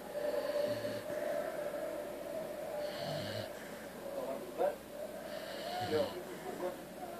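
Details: Sleeping American Staffordshire Terrier (Amstaff) dog snoring, with repeated nasal snorts and rattling snores on each breath over a steady background hum.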